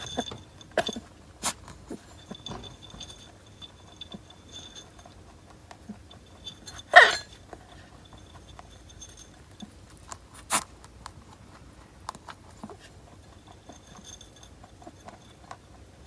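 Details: Rabbit that sneezes often and is under veterinary care: a few brief, sharp sneeze bursts in a quiet room with faint clicks.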